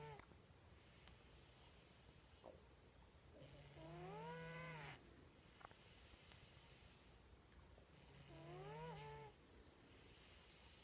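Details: Male pet, recorded in the last video taken of him before he died, snoring while asleep: slow, regular snores about every 4 to 5 seconds, each inward breath a low drone with a rising whistling tone.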